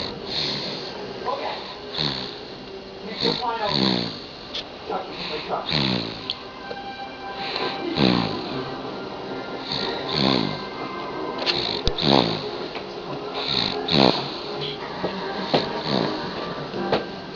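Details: Baby boy snoring, said to snore almost as loud as his father; repeated rattling snores about every two seconds, roughly 30 a minute, with a movie and some talk in the background.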